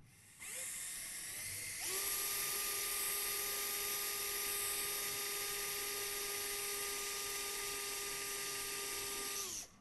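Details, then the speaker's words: Steady high-pitched drill whine for several seconds as a trocar-tip Schanz screw, with the drill sleeve supported, is driven through the first cortex of a bone model in a soft-tissue-penetration skills-lab exercise. "now let's try this again with a chance screw so this has a trocar tip and this uh drills its way through the bone"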